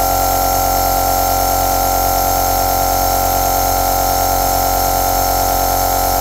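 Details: Aerosol nebulizer compressor running continuously: a steady, unbroken mechanical hum with a faint buzzing whir that holds the same level throughout.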